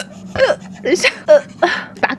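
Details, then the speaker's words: Rapid run of short, abrupt voiced catches, about five in two seconds, as the speaker says she has started hiccupping and will drink more water; hiccups. "等一下，哦，怎么办？等一下，我开始打"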